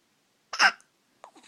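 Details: Baby with hiccups: a short, abrupt hiccup followed by a fainter second catch of breath.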